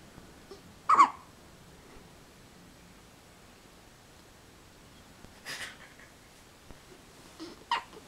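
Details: Twin two-week-old infants hiccupping in their sleep, with three brief, sharp catching sounds a few seconds apart in a quiet room.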